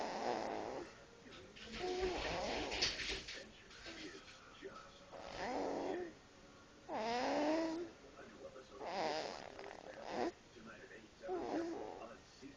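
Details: Sleeping cat: rhythmic, rattly snores alternating with soft sighing breaths; ordinary sleep snoring.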